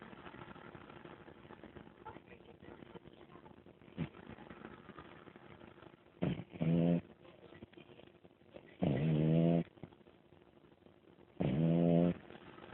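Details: Sleeping female pet snoring, likely a dog: three loud, buzzy, vibrating breaths, each under a second, rise out of quiet breathing and room noise.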